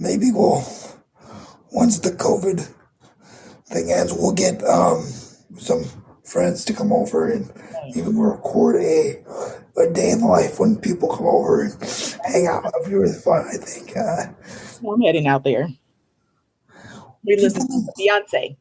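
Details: 22-year-old man with cerebral palsy affecting his muscles; he says tighter muscles make talking more difficult; dysarthria due to cerebral palsy.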